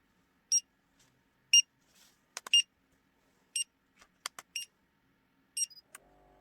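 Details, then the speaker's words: Woman with POTS as part of EDS, tachycardic, during a lying-to-standing blood pressure test: repeated high beeps about once a second, pulse oximeter alarming as oxygen saturation fell below 95 percent. "the oxometer is beeping at me because my oxygen saturation fell below 95 and yeah that's another thing that happens when this is happening"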